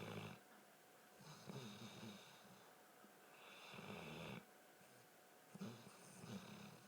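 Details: Regular snoring with rough, rattling breaths about every two seconds and quieter breathing between; ordinary snoring.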